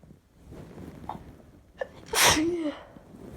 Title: Sneeze 3 times